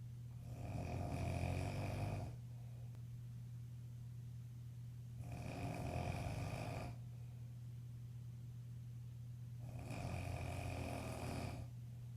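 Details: Adult man (jokingly called a grizzly bear) snoring: three long, deep, rumbling snores about four seconds apart, roughly 14 a minute, over a steady low hum.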